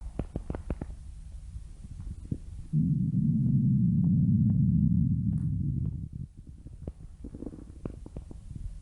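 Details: Stomach growling (borborygmi): a loud, sustained low gurgling rumble lasting a few seconds between quieter bubbling.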